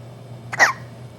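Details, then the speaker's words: A baby girl with the hiccups gives a single short, sharp gulping hiccup, said to sound like a squeaky toy, over quiet room noise. "you sounds a little like a squeaky toy who knew that hiccups could be so fascinating"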